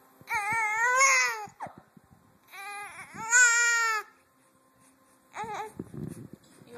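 High-pitched wailing cries in two long bouts, then a short whimper; an ordinary infant cry.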